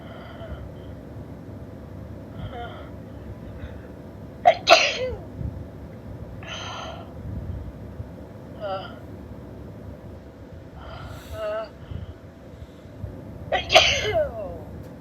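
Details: Female with dust allergy sneezing: two sharp, explosive sneezes several seconds apart over steady outdoor traffic hum and faint background voices.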